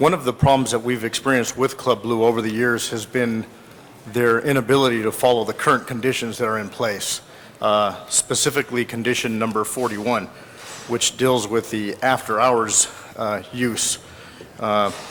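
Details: Adult man; Typical speech.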